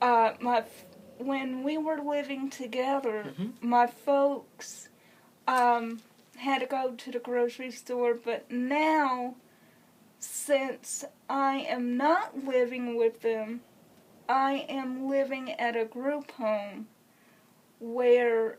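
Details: Dysarthria in a woman with congenital cerebral palsy who has used a wheelchair since early childhood.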